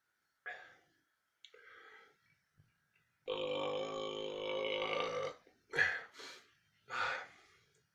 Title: summer time burping